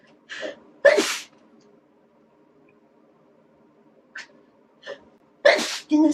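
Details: Two loud sneezes from a young Taiwanese woman, set off by a nasal swab test, each opening with a quick breathy intake, with short catches of breath between: induced sneezes.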